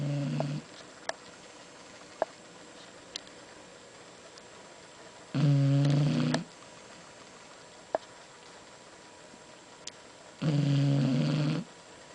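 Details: Sealyham Terrier dog napping after lunch: low, buzzing snores about every five seconds, roughly 11 a minute, with faint clicks between in a quiet room; dog snoring.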